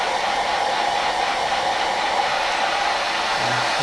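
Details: Mechanical insufflation-exsufflation with a Clearway cough assist machine via tracheostomy in a male patient recovering from a chest infection after complications of deep brain stimulation surgery: steady loud blowing airflow through a treatment cycle during airway clearance.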